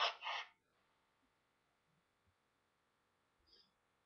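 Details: Deliberately induced sneezes after hours of working out in cold air, with an itchy, running nose: two quick, sharp, hissing bursts close together like a small double sneeze, then a faint later snuffle.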